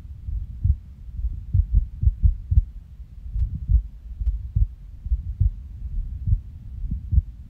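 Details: Soft low heart thumps about 70 a minute with uneven spacing and pauses, recorded at rest after waking from a nap, with stomach growls; irregular heartbeat with skipped beats.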